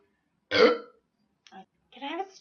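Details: Adult woman burping after drinking soda in a burping contest: a loud, deep burp followed by brief speech.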